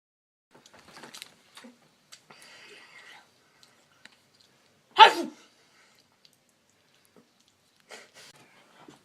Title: 3 ways to sneeze